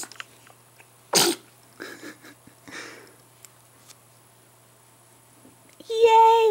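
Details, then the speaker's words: Four-week-old baby boy sneezing: a single abrupt, burst-like sneeze in a quiet room, followed by soft baby sounds and then a musical tone; an ordinary sneeze. "got smiles and sneezes in one video and another smile"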